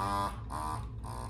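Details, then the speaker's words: Medela Freestyle Flex electric breast pump running at top level 9 with no parts attached, so louder than when connected: rhythmic motor buzzing in short cycles. "obviously it's not this loud when everything is connected um and just to touch on how loud it is it is not loud at all compared to other pumps i've used"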